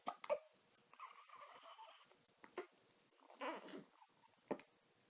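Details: Dog with hiccups: short, abrupt gulping sounds spaced irregularly across five seconds in a quiet room: hiccups.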